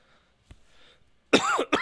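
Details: Adult feeling sick with headache and chills, possibly cold: a faint click and soft noise, then a loud throaty cough with a short second burst.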